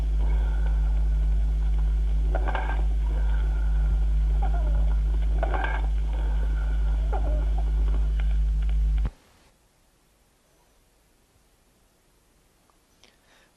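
Hollow, blowing breath sounds recur every few seconds over a steady low hum, then cut to near silence. This is cavernous breathing: a hollow bronchial sound over a lung cavity at least 4 cm wide with surrounding consolidation and an open draining bronchus, typical of tuberculous cavities or large bronchiectasis.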